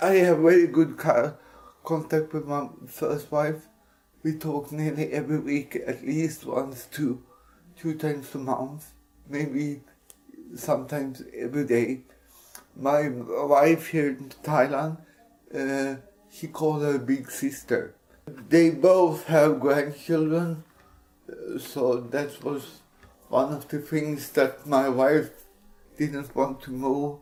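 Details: Dysarthria in an adult Swedish man with cerebral palsy, speaking English.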